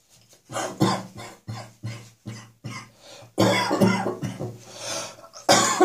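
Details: Residual morning catarrh after a resolving chest infection: a run of about ten harsh coughs, some rattling and phlegmy, then throat clearing; a wet productive cough bringing up mucus.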